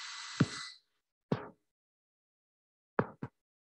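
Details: Needle EMG teaching recording: isolated, irregularly spaced pops over silence, about five in under four seconds; fasciculation potentials.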